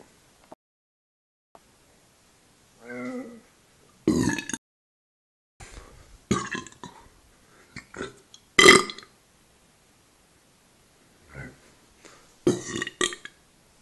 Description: Me downing Coke and burping.